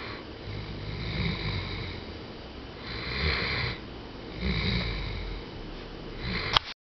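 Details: Great Dane sleeping on the couch, snoring with three slow, rough, rattling breaths about every 1.7 seconds in a quiet room.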